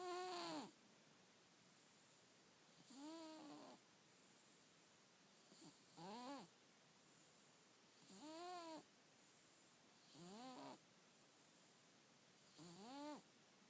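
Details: Sleeping cat snoring: regular, squeaky, whistling snores every two to two and a half seconds, roughly 25 a minute, in a quiet room.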